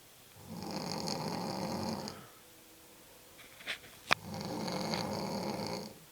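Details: Adult woman sleeping in the morning: two long, rattling breath-in snores with a quiet pause and a few clicks between; loud snoring during sleep.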